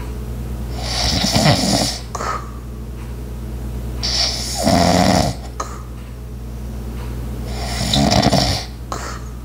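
Rough, rattling snores on the in-breath, about three in ten seconds, with steady household hum behind; light snoring.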